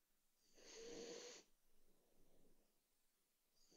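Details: A single soft snorting snore from a sleeping pet dog, then quiet breathing; ordinary harmless sleep snoring.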